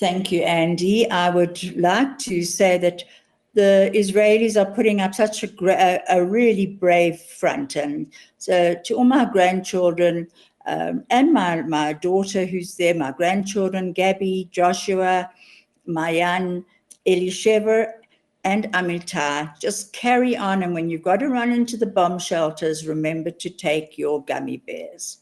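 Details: Adult woman speaking; normal speech.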